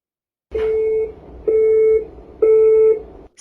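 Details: Simulated AED on a CPR training dummy in a mixed-reality smart-glasses training system: three steady, evenly spaced beeps as it charges, after the prompt "defibrillation required" and before "press the flashing defibrillation button".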